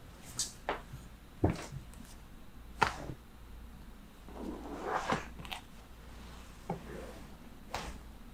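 Several sharp cracks and pops over quiet room noise: joint cavitation during a neck adjustment.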